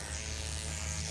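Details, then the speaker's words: Motorised microneedling pen at 1–2 mm depth on a man's face after fractional CO2 laser resurfacing for acne scars, with PRP applied and pinpoint bleeding: steady low electric buzz running continuously against the skin. "and now we're gonna start microneedle Inc that into the skin at about a one's you want to have two millimeter depth nothing crazy you don't need to see a lot of pinpoint bleeding or anything"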